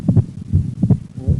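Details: Split second heart sound with right bundle branch block, heard while the patient breathes in and out on command.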